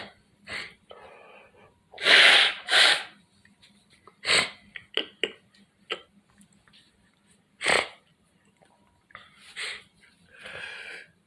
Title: Living Room Sneeze Part Four #sneeze